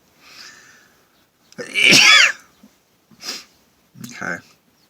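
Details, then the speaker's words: Deliberately induced sneeze after putting pepper up the nose, recorded in a car using a towel: quick in-breath, then one loud explosive sneeze, followed by softer vocal sounds and complaints of pepper still felt in the nose; sneeze. "Oh Oh God oh I have to sneeze hey hey hey hey no there's more hey hey hey hey hey oh man [ __ ] excuse me God the hell it's all in this nose I still smell the feel the pepper"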